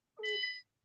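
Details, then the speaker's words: Single short electronic beep, about half a second long, from a medical device heard in the background of a video call, likened to a medical monitor. "I now I'm hearing an interesting beeping going on. Is that in your site as well?"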